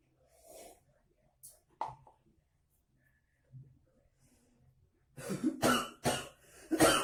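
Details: Acted coughing for a comedy skit contrasting coughs before and after the coronavirus: a few soft throat clears, then a run of loud, harsh coughs; cough.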